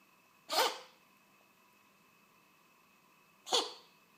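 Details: Black cat coughing: two short, sharp, harsh bursts about three seconds apart.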